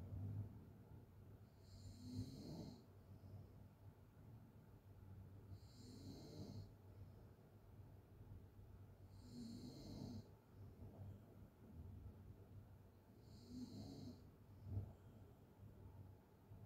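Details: Open-mouth snoring during sleep: rhythmic rough, rattling inward snores, four breaths in about 16 seconds, about 15 breaths a minute.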